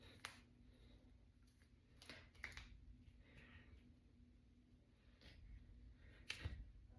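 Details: Several sharp, isolated pops in a quiet room as fingers and knuckles are deliberately cracked; harmless knuckle cracking (joint cavitation).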